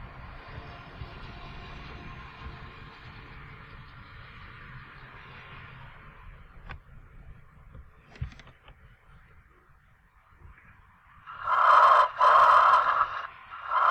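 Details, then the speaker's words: Loud, harsh, hollow bronchial breath sounds with a short silent pause between inspiration and expiration, abnormal finding caused by extensive consolidation, typically lobar pneumonia; lung sounds teaching recording. "e ele é causado por uma condensação bastante grande de maneira geral são brom que o pelé causado por uma pneumonia chamada pneumonia lobar"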